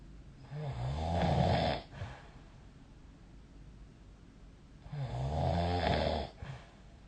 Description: This is the sound of snoring recorded using SnoreLab : Record Your Snoring https://apps.apple.com/jp/app/id529443604